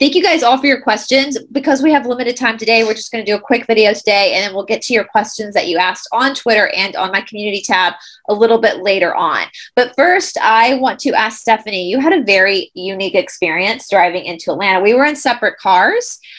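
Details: Adult woman speaking; Normal voice.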